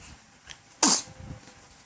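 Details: 1-month-old sneezing: one sharp, hissy burst of air, a single sneeze, with faint room noise around it.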